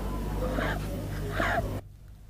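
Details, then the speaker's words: Expiratory wheeze in a child or infant with acute respiratory infection, in a training film: two noisy breaths with faint whistling tones over a low steady hum. "Wheeze has one more indication. A child or an infant with wheeze expends much more effort and takes much longer than normal to breathe out."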